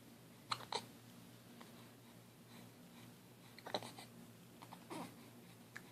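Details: 9-week-old baby hiccuping: short, sharp hiccup sounds, several in a few seconds, against a low room hum; infant hiccups.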